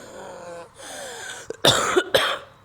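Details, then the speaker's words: Adult woman recording herself during an asthma attack that began overnight, now unable to walk or exert herself: two whistling, wheezy breaths then two short coughs; wheezing. "J'ai fait une crise d'asthme cette nuit. Enfin, je suis en train de faire une crise d'asthme. Vous voulez que je vous fasse écouter ce que ça donne? Une personne avec une crise d'asthme qui respire."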